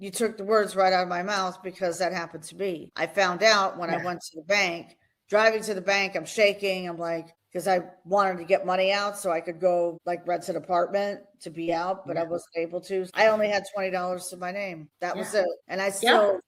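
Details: Adult woman speaking; normal speech.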